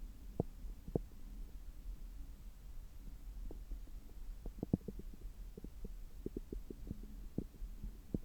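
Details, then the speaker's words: Normal active bowel sounds through a stethoscope on the abdomen about 3 hours after a meal, during abdominal massage: irregular gurgles and soft clicks over a low hum with massage rubbing. "今は、食後3時間後ぐらいで、ちょうどお腹がよく動いている時間だと思います。"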